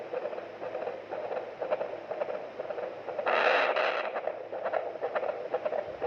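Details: Full-term (9-month) pregnancy in labour, fetal monitor Doppler: rapid rhythmic whooshing fetal heart pulses about 120 a minute, within the normal 110–160 range; normal fetal heart sounds.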